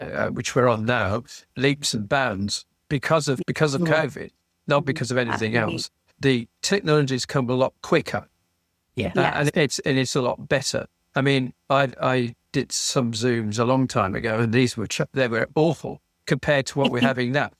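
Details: Adult male speaker, remote call audio; Normal conversational speech.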